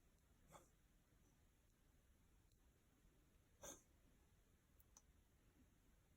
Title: Cough(cat) 猫の咳